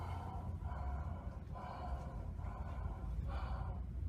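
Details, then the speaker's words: Bronchial (tubular) breath sound imitated by mouth in a lecture: four harsh, hollow blowing breaths over a low room hum, as heard over consolidated lung, contrasted with cavitary breath sound. "El soplo tubario, generalmente ya lo escuchaste, ¿no? Se oye así."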